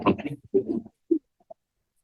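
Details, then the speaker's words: Infant with left recurrent laryngeal nerve injury after open-heart surgery, causing vocal cord paralysis: short, weak, hoarse cry bursts lacking adequate pitch and projection, reduced voice; dysphonic cry. "voz si se fijan Entonces es un llanto que no tiene un adecuado tono no tiene una adecuada proyección y tiene una disminución en cuanto a la voz entonces sabemos que esto es un llanto disfónico que nos puede hacer sospechar junto con el antecedente de una parálisis de las cuerdas focales"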